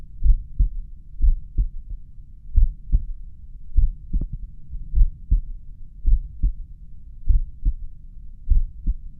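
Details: Slow, steady lub-dub heartbeat about 50 a minute, recorded at rest probably at the mitral area, with a pulse oximeter counting rate and its low-heart-rate alarm sometimes beeping; bradycardia.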